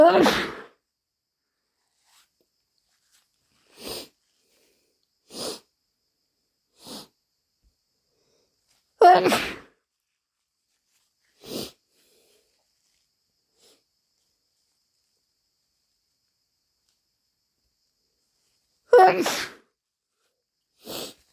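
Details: Several forceful, apparently induced sneezes with shorter bursts between them, likely nose blowing, in a quiet room.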